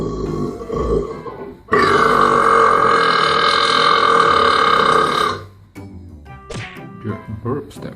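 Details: Long, loud, drawn-out belch of about four seconds over background music in a comedy short; burping.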